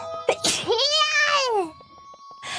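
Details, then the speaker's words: Sharp sneeze burst followed by a long high-pitched falling voiced cry, a sneeze with a squeaky vocal tail, from a VTuber; sneezing. "Get it if you're going to sit there and sneeze."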